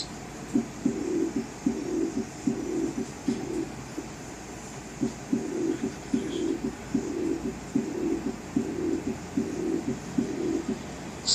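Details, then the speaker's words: Demonstration recording of a regular heartbeat at about 74 a minute with a soft, drawn-out, high-pitched blowing sound after each beat: the diastolic murmur of aortic regurgitation. "isten for the high pitched diastolic murmur of aortic regurgitation if the patient had this murmur it would sound like this"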